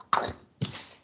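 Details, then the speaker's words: Two short, dry cough bursts from a child during an English lesson in cold weather in Hanoi, heard in a small room; cough. "You are coughing? Oh yeah. I can actually hear your cough."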